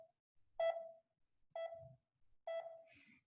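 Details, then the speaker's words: Pulse oximeter beeping once per heartbeat; three evenly spaced beeps, about 63 a minute, a regular rhythm from which heart rate can be counted. "pulse oximeters beep with each heartbeat allowing the provider to calculate the heart rate if you can hear a regular beat you can use a clock or a watch and you can calculate your patient's heart rate"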